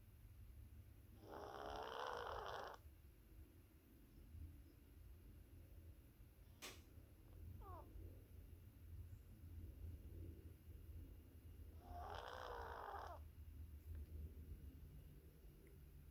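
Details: A cat breathes noisily, with two loud, harsh, snoring-like breath sounds over a low rumbling background; owner awaiting a vet appointment, cat uses an AeroKat inhaler.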